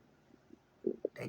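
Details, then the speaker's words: Person's own gut recorded while sitting up during a digestive cleanse: soft low gurgles and a couple of bubbly pops, unsure whether stool or gas bubbles moving; bowel sounds (borborygmi). "I'm sitting up here trying to catch the sound of this gurgling in my gut it is really starting to irritate me I don't know if it's my vows trying to move through my intestines or if it's gas air"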